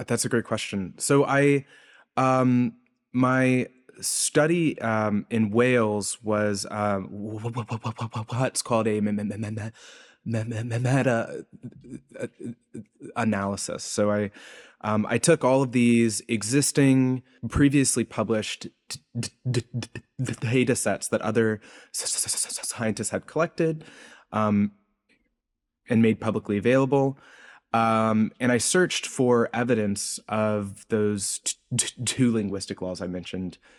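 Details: Adult man's real, self-reported speech impediment, present throughout the interview; this clip has word repetitions, with sound and part-word repetitions heard; stuttering (disfluent speech).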